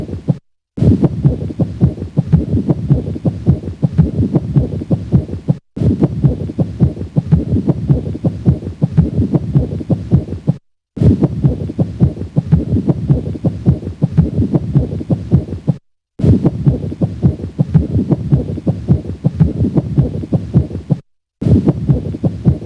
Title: PERICARDIAL FRICTION RUB - APEX | HEART SOUNDS | AUSCULTATION | MURMUR